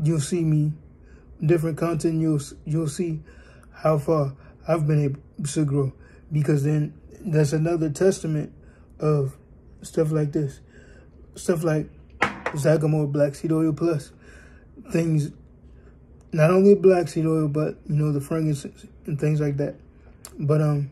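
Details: Adult male born with cerebral palsy, 3 months premature, aiming to improve his standing, walking, talking and cognitive abilities; speech in cerebral palsy (mild dysarthria).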